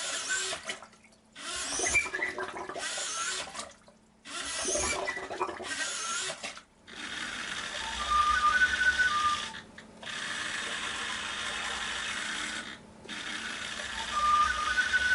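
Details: Repeated whirring motor strokes with brief pauses from a homemade DIY positive pressure mechanical ventilator prototype, driven by a servo with push-pull rod and 2 l and 5 l bottles with valves, cycling air; mechanical ventilator operating.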